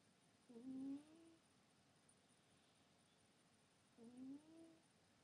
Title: Snoring cat